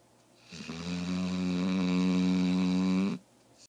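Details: A single long, droning, buzzy snore of about two and a half seconds, steady in pitch and loudness: snoring.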